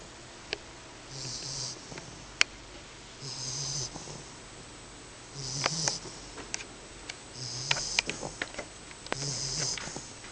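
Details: 10-week-old English Bulldog puppy snoring in sleep: irregular snoring with low snorts and hissing breaths, about five over ten seconds, with occasional sniffs and clicks.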